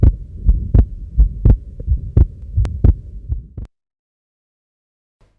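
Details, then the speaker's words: Combined aortic stenosis and regurgitation: heart sounds about 85 per minute with rushing murmurs, a systolic murmur at the heart base and an early diastolic murmur at the left sternal edge; brief music follows a pause. "remember a combination of a systolic murmur at the base of the heart and early diastolic murmur at the left sternal edge is typically seen in combined aortic stenosis and regurgitation"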